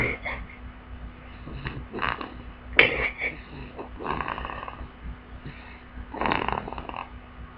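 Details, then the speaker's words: A baby girl snoring while asleep on her belly. "you hear that? She's snoring."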